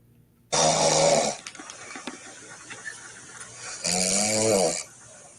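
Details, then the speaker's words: A woman snoring in her sleep, probably recorded by her boyfriend or husband: two loud, rough, rattling snores on breathing in, with a quiet pause between them. "oh no she's lightweight but she's snoring but let's listen to this"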